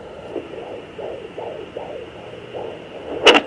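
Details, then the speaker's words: Normal fetal heartbeat of a baby girl on a 3 MHz handheld home fetal Doppler, mother standing; baby moves a lot. Fast, rhythmic whooshing pulses at about 160/min, a good strong heartbeat. "there she is good strong heartbeat you guys will see in the top right corner when the heart is lighting up that means that you found the heartbeat"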